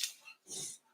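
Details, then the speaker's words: Sleeping beagle, just woken from dreaming and barking in his sleep, gives a brief, harsh snorting inhalation: a reverse sneeze. "now we've got a dog with a reverse sneeze"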